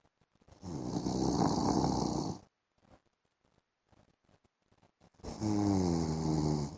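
Two long, loud, buzzing snores on inhalation, separated by a few seconds of near silence with faint clicks.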